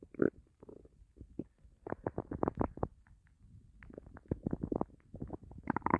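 Rapid series of gurgling, bubbling growls from an empty stomach; ordinary hunger growling.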